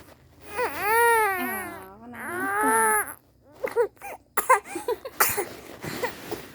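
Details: A baby just woken and teased gives two long wailing cry bouts, then choppy sobs and gasping bursts, crying until coughing: infant crying.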